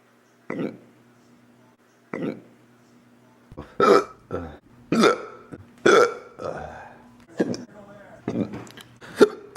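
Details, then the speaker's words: Sudden short voiced gulps, about every 1.5 seconds at first, then mixed with talk and laughter during a hiccup attack: repeated hiccups. "I hate hiccups so okay so like what causes hiccups I don't even get it"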